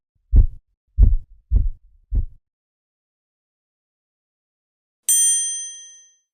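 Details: Korotkoff sounds heard during a blood pressure measurement.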